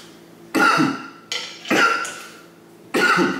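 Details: Adult smoking a joint of Khalifa Mints cannabis early morning: four harsh, dry cough bursts in quick succession after inhaling smoke.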